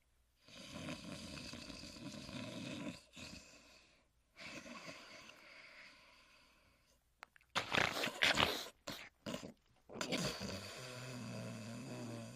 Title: Huckleberry Hound Sleeping & Snoring